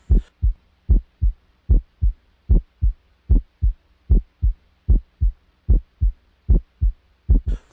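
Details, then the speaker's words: Auscultation at the aortic area: regular paired low thumps, first and second heart sounds, about 75 a minute, short silence in systole and long silence in diastole; normal heart sounds. "Entre el primer ruido y el segundo se extiende el pequeño silencio, que corresponde a la sístole ventricular. Y entre el segundo ruido y el primero, encontramos al gran silencio, que corresponde a la diástole ventricular."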